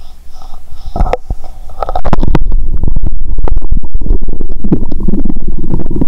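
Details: Stethoscope on own abdomen; stomach sounds heard even near the heart; loud rapid gurgling and bubbling rumbles: active, normal bowel sounds (borborygmi).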